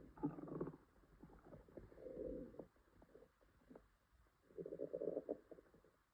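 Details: Female with an upset stomach, possible diarrhea and stomach ache: low gurgling and rumbling bursts with bubbling pops between, active bowel sounds (borborygmi), stomach growling.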